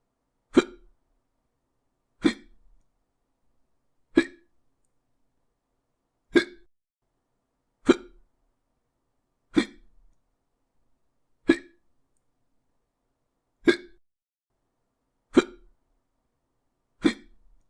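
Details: Sound effect of hiccups (singultus): ten sharp, brief gulping hiccups at steady intervals, roughly 34 per minute, against a quiet background.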